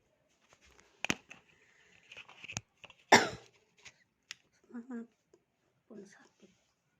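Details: Adult working a live stream with sore throat, cough and cold: a single harsh, noisy cough burst amid soft clicks, brief voiced sounds and room noise; cough.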